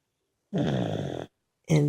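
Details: Several sleeping people (uncle and nephew among them) snoring: one loud, low, rattling snore under a second, then the start of another.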